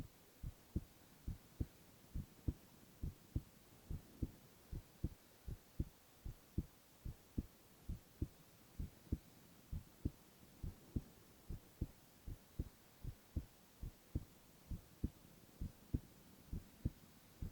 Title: 【無言/男子ASMR】ひたすら心音 Boy heart sounds